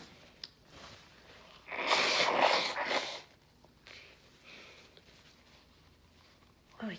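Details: Female with a congested head cold, now on the mend, sneezing after taking chhinkni snuff: a loud, drawn-out sneeze after a breathy build-up, then softer sniffs and breaths.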